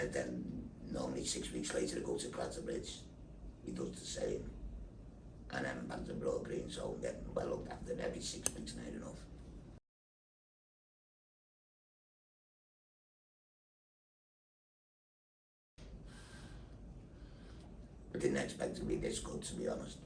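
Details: Tracheoesophageal (alaryngeal) speech via a neck voice valve in a man after total laryngectomy with thyroid removal and neck dissection for laryngeal cancer, followed by six weeks of radiotherapy.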